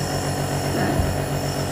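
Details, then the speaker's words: Compressor nebulizer switched on during a pediatric home-use demonstration, with the mask held to a child's face: steady low motor hum with faint hiss as the medicine turns to mist, typically run 10–15 minutes. "Sau đó thì là em bật máy lên."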